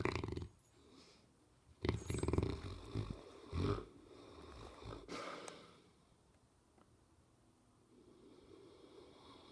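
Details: Dog (Howard) snoring and dreaming in sleep: deep, irregular snorts and rumbling snores, followed by quieter breathing; snoring.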